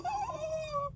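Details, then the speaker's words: Adult male fighter, ill with sinus drainage and chest wheezing, breathes in deliberately: a single inhalation with a high musical whistle throughout, an inspiratory wheeze. "He got a little wheezing in his chest going on. I got to breathe in."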